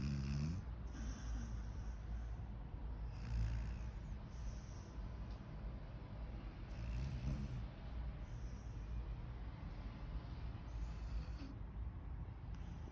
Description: My 6 year old hound mix female sound asleep & snoring